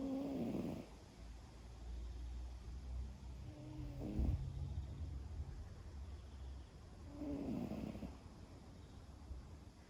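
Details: Cat of about 11 years asleep on the owner's lap in a garden; soft, rhythmic rumbling snores about every 3 to 4 seconds over outdoor background noise.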